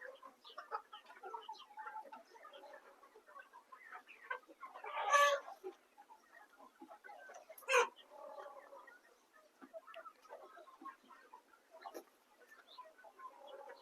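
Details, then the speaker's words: Flock of Kaveri chickens with a mild cold, already given medicine, in a quiet shed: soft clucks with scattered short 'chik chik' rattling, wheezy chirps, a respiratory rattle from poultry cold. "हा जो तुम्ही आवाज ऐकला का चिक चिक खरखर आणि वातावरण शांत असलेला असा खरखर आवाज येतो पक्षाचा तर म्हणजे यांना सर्दी झालेली आहे"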